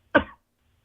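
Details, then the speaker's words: Caller on a phone call coughing after dabbing (inhaling a concentrate) mid-story, described as having an attack: one short harsh cough followed by silence; cough. "I'm gonna leave you while you're coughing here because this is good."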